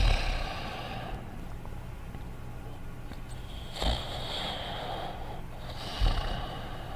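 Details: Quiet, slow snoring breaths with soft snorts over a low background hum, from the cartoon soundtrack of Dogtanian snoring quietly; simulated snoring, not a real sleeper.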